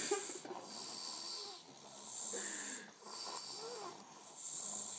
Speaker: Who winning? They having a snore-a-thon.